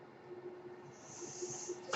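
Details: Mechanical ventilator sound heard during a podcast recording, which the user identifies as their own ventilator.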